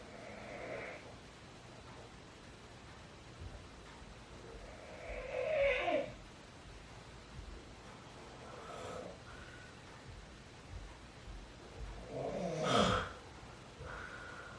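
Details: Father snoring at midnight: snorting, rattling snores on some breaths, roughly every six to seven seconds, over quiet room hiss; ordinary snoring in sleep.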